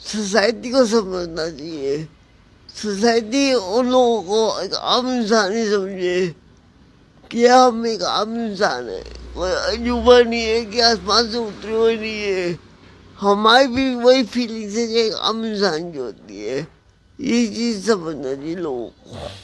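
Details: Dysarthria in an adult man with cerebral palsy speaking Hindi.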